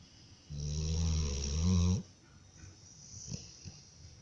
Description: American Staffordshire taking a nap and snoring